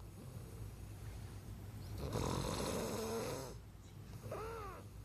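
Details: Snoring at night: a deep, rumbling snore on the in-breath, then a quieter breath out, in a quiet room.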